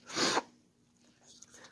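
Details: One loud, sharp sneeze burst followed by quiet room noise and fan hum; sneezing.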